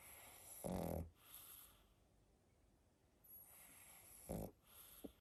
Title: | PUG NOISES 2022 😴 Snoring edition | Pug bedtime with Pangpang the Pug |